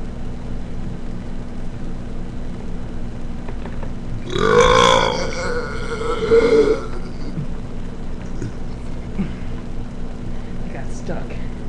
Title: my brother burping